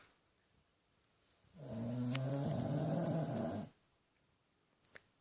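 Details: 13-year-old rescued Shih-Tzu/Pug mix dog snoring as loud as a human, sleeping with eyes slightly open: one long, low, rattling snoring breath of about two seconds in a quiet room.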